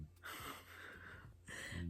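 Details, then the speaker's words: Female pet dog snoring while asleep at 11:30 p.m.: rough, noisy breaths, some with a low snorting rattle. "That's my dog snoring."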